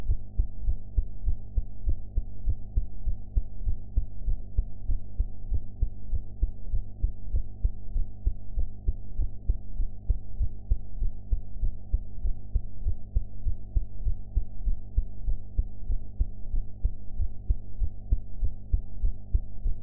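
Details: Heart sounds recorded after eating, sound quality enhanced; steady low thumping heartbeat at roughly 98 beats a minute over a constant low hum.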